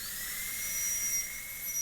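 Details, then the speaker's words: High-speed dental drill trimming a lingual margin hook of a maxillary molar DO Class II prep in a live teaching demo, before hand instruments: a steady, piercing high whine. "you can trim part of that away with the Burr and then the rest of it we're going to use the hand instument for"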